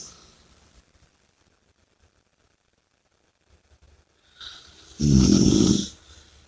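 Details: Near silence, then one loud, rough, rattling snore lasting under a second, during sleep.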